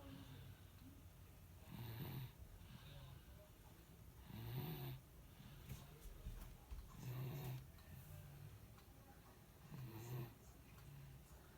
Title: いびきをかく赤ちゃん snoring baby